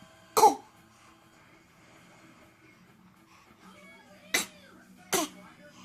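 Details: Infant with persistent all-day coughing after his 2-month and 6-month DTaP vaccine shots, also a recent egg reaction with hives: three short, sharp coughs, one early and two close together, in a quiet room.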